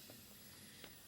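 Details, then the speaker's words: Trilogy 202 non-invasive ventilator with passive circuit delivering CPAP set at 10 cmH2O, pressure varying 7–11; steady continuous hiss of airflow with faint surges, acceptable mask leak. "so a patient at the moment is varying somewhere between seven and 11 centimeters of water of cpap okay we've got a respiratory rate we've got a tidal volume and we've got a leak"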